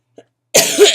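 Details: Adult with chronic illnesses and acute bronchitis with asthma complications, on prednisone, exhausted; after brief silence a single harsh, forceful cough: cough of acute bronchitis.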